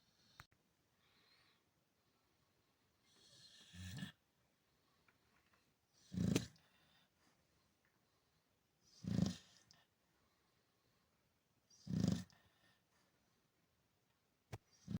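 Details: Loud, rumbling snores about every three seconds, roughly 20 a minute, in a quiet room from a sleeping Chow Chow dog; ordinary snoring.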